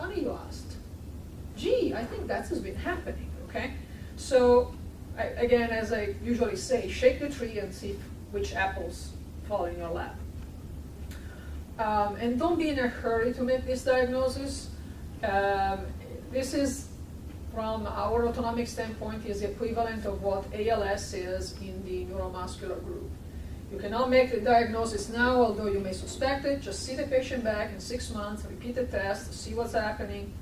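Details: Adult woman speaking, lecture setting; normal speech.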